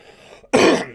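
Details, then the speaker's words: Adult man, sick for five days, now feeling better but with lingering chest congestion: a single loud, harsh, rough cough after a brief pause; productive chest cough. "But I still got this hella fucking cough, man. I got this hell of a fucking cough. And like you can just hear it on my chest, right?"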